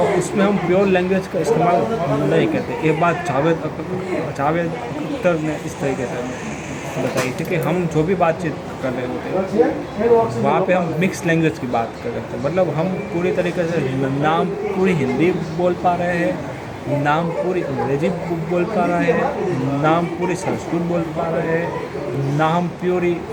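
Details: Adult man who stammers speaking spontaneously in Hindi during daily stammering practice; stammering.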